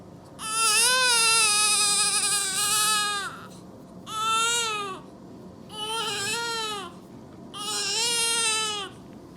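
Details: Newborn baby girl around New Year's Day, while being dressed; four loud, high-pitched crying bouts with pauses for breath; a strong, normal newborn cry.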